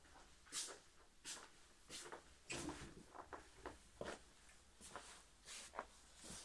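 About nine short, quiet coughs at irregular intervals over several seconds in a small room.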